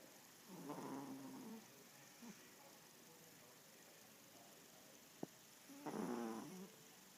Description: Male Yorkie Snoring